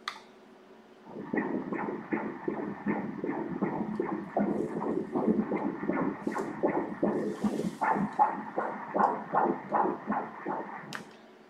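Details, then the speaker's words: Fetal heart Doppler at 28 weeks of pregnancy during 3D/4D ultrasound: rapid, regular whooshing pulses at 159 beats per minute, a normal fetal heart rate. "در اینجا به ضربان قلب کودک توجه کنید"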